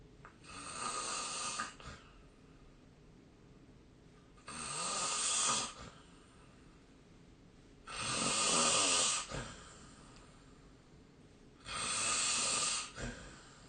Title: 🐽 本日のイビキ / Snoring Sleep Sound